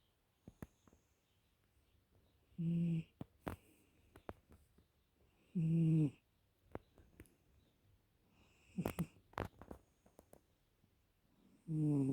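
Four low, rattling snores at about 20 a minute, separated by quiet pauses with faint clicks; ordinary snoring.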